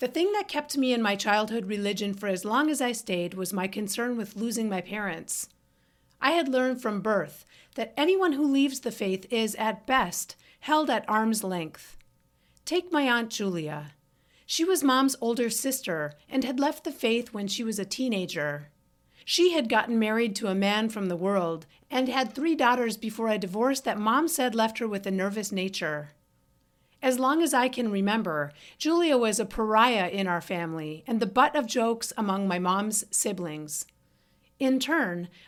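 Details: Adult woman narrating; typical speech.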